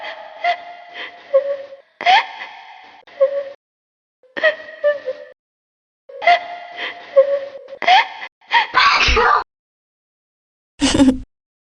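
Repeated build-up gasps with voiced 'ah' sounds end in forceful bursts, with a final sharp sneeze; a bout of sneezing.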